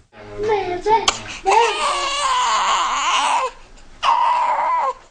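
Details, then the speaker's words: Loud, shrill infant crying in long wails with a brief pause, then another wail; an ordinary newborn cry, from a video on techniques for calming a crying baby. "many babies are like smoke alarms they make one big shrieky sound no matter what the problem is and you can't tell from a smoke alarm if the house is on fire or if you just burned some toast"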